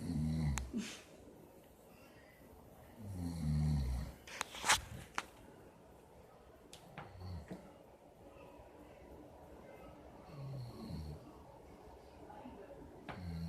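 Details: Person sleeping at a friend's house; low snoring rumbles at irregular intervals in a quiet room, with a few sharp knocks and rustles; snoring.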